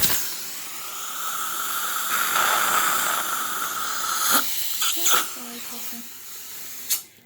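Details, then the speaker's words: High-speed dental suction with air-water rinse removing etch from the tooth during sealant placement: loud steady hiss and rushing air, then short spray bursts and gurgling suction; dental suction and air-water spray. "So I'm going to use my high-speed suction. We're going to take this off the tooth, rinse it off."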